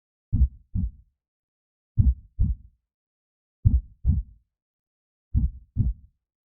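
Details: Creepy horror/Halloween heartbeat sound effect, synthetic: slow paired low lub-dub thumps, about 36 a minute.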